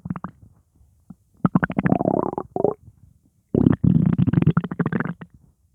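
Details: Upset stomach rumbling after eating pizza, with gassiness: loud gurgling and rumbling bursts from the belly in two long runs; active bowel sounds (borborygmi).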